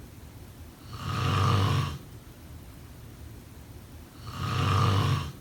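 Two long, rasping snores about 3 seconds apart on the in-breath, with quiet pauses between; ordinary snoring during sleep.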